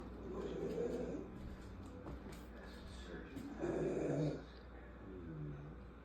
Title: Nope not a man doing all that snoring💀